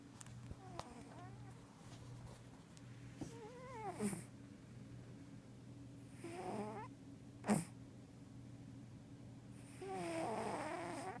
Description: Caught my kitty sleeping and snoring!